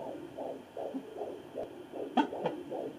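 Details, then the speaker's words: Fetal heartbeat on a Sonoline B home fetal Doppler: rapid, regular whooshing pulses at about 150 per minute, with brief quick 'bloop' sounds from baby movements. "when you find that baby's heartbeat you'll definitely know that you've hit it you can even hear the baby's movements and it'll kind of hear like a a quick bloop on the fetal doppler"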